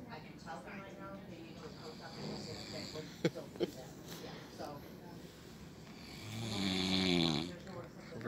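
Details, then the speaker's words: Snoring from an adult man sleeping after surgery, sedated by post-operative pain medicine: low rattling snores, with a louder vibrating snore near the end. "but it makes you sleepy that's with it the nurse was telling me so [Music] you can hear him snoring"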